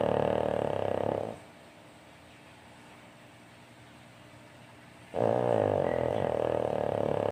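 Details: Two loud, rattling, low-pitched snores separated by a quiet exhalation pause; ordinary snoring.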